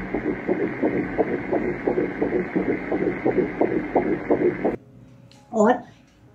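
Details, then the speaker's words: Fast, regular whooshing fetal heartbeat on Doppler, about 170 beats a minute; fetal heart rate is said to appear around the sixth week of pregnancy. "तो sixth week में आपके बच्चे का फेटल heart rate आ जाता है। ठीक है? उसकी धड़कन बन जाती"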